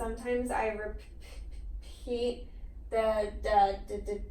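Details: Child in stuttering therapy who reports getting stuck, pausing, repeating sounds, blinking hard and pushing the head forward during stuttered moments; stuttering.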